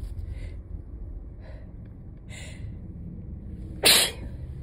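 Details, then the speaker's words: Single sharp, dry sneeze after soft sniffing breaths, from an adult with allergies and a very stuffed-up nose, sneezing slowed and less wet than before, recorded while driving with road noise. "And so while I'm still sneezing, it's slowed down a little bit. And it's kind of more of a drier, less messy sort of thing."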